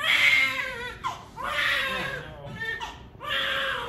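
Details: Three strong, high-pitched wailing cries with short breaths between: vigorous cry of a newborn baby boy just delivered by caesarean section at 39 weeks.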